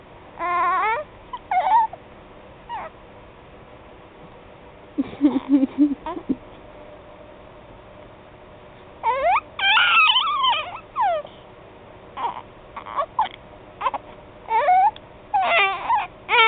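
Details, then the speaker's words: An infant gives short, broken bursts of fussing and whimpering with pauses: a fussy "fake" cry. The parent says the baby was not hungry, and he fell asleep after a brief feed. "do your little face no that's not your po face that's your cry face yeah you cry"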